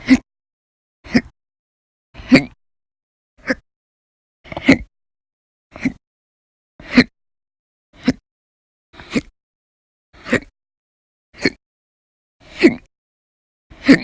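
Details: Sharp, loud hiccups about 55 a minute with silence between, from a person logging persistent violent hiccup episodes lasting up to hours at a time, sometimes after naps, across November 2019; persistent hiccups.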